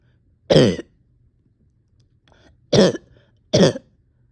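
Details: Cough in an exhausted person with on-and-off chest and stomach pain: three separate harsh, brief, forceful, dry-sounding cough bursts in a quiet room.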